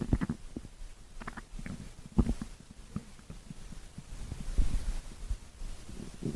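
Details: Stomach growling (borborygmi) recorded over 5 minutes: irregular low gurgles, pops and rumbling squelches from the belly in a quiet room.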